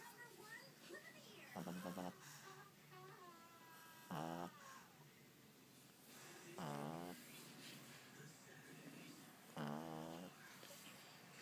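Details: Four loud rattling snorts at irregular intervals over quiet room noise from a pug dog; snoring.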